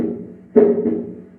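Two crisp, hollow thumps about 0.9 seconds apart, each fading quickly, in a quiet room. This is the normal second heart sound, the 'dub', made as the aortic and pulmonary valves snap shut at the end of the heart's contraction.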